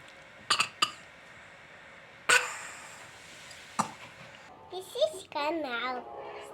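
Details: Young girl, who is not actually ill, gives several short, deliberate put-on coughs to get a cough sweet, then speaks briefly; voluntary fake cough.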